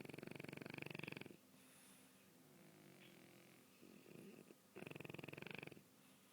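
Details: Snoring from a sleeping dog: two strong, fluttering snores about four seconds apart, with soft shuffling in between.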